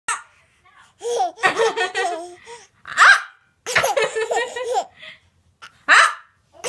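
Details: Little child copying mother's hiccups: laughter broken by two sharp, sudden catching sounds about three seconds apart; hiccups.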